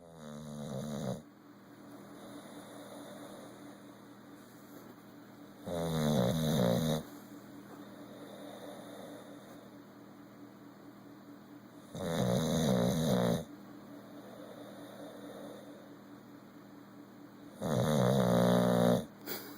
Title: Bulldog Geno snoring